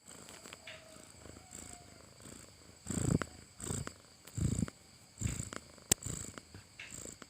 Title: Sound of snoring cat😂